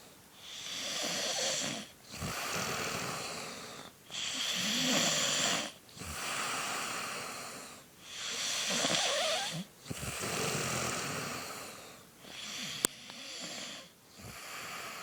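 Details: A mother snoring: loud, rough, rattling snores on each breath, about 15 breaths a minute, with brief quiet gaps between them. Ordinary heavy snoring.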